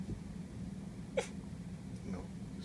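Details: Pet dog sneezing on command: one brief, sharp, airy sneeze over steady low background hum.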